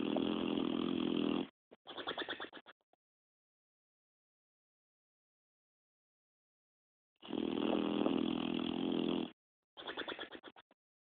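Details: Sleeping boxer dog snoring: two long, rough, buzzing breaths, each followed by a fluttering lip-flap exhale, with a quiet pause between them.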